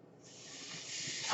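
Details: A steady airy hiss swells over about a second with no voice, the rush of air from his own mechanical ventilator delivering a breath.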